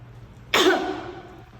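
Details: Simulated cough demonstrating cough etiquette into a tissue, shown in a health-education talk: one short, deliberate cough in a quiet room.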